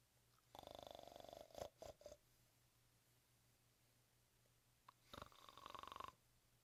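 Two rattling, fluttering snore breaths, each about a second long, with a few short snorts between them, against quiet room hum: snoring.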